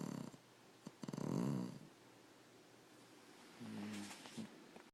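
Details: Pet dog snoring during sleep: rattling, fluttering snorts on breathing in, with quiet pauses between them, in a small room; snoring.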